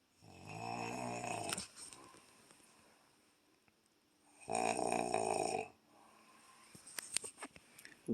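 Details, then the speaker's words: Snoring at nearly one o'clock at night from a sleeping man: two loud, buzzing, tone-like snores with a long quiet gap between and faint clicks after. "i should be sleeping but i can't because i'm listening to this freight train coming through my ear in five minutes and he ain't even bunching who the hell makes that much noise and stay asleep"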